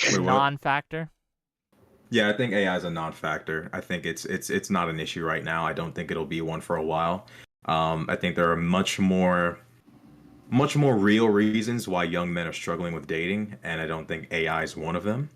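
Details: Adult man speaking; normal speech.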